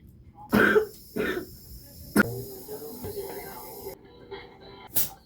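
Two short harsh cough bursts, then a sharp throat clearing and a final brief burst, with a low steady background hum; a plain cough.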